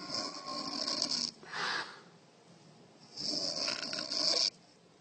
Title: A child is afraid of his mother snore